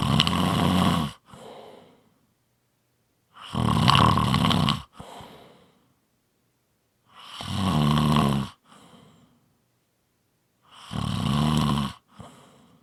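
Loud, rattling inward snores about every four seconds, each followed by a softer breath out; roughly 15 breaths a minute.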